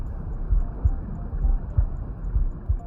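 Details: Steady paired low heart thumps at about 66 beats a minute, a regular normal rhythm, recorded with a Stemoscope digital stethoscope, with faint background sound: normal heart sounds.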